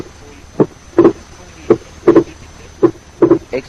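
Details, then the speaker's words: Wide, persistent but not fixed split of the second heart sound in right bundle branch block: A2 and P2 stay widely separated, varying with respiration but never fusing on expiration; slow heartbeat about 55 per minute. "Listen carefully and concentrate on the second heart sound, where the A2 and P2 are widely separated. The split varies with respiration, but they do not fuse into a single sound during expiration."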